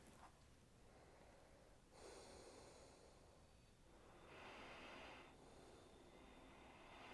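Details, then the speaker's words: ResMed AirMini AutoSet travel CPAP starting when breathing begins through a mask held over the nose: a steady, fairly quiet airflow hiss that swells with each breath. "as soon as i start breathing in it uh the machine turned on and as you can probably hear the machine as a whole is actually pretty quiet"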